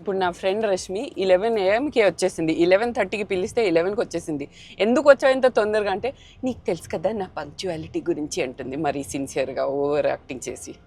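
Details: Adult woman speaking Telugu; normal speech.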